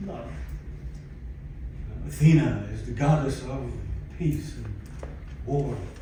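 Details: Aphasia in a 62-year-old man, acquired after a stroke in December 2011 that followed cardiac ablation for arrhythmia; he lost languages and speech and attends speech therapy at an aphasia center.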